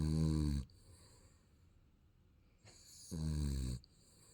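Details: Baby snoring during sleep: two deep, rumbling snores on breathing in, separated by quiet breathing out.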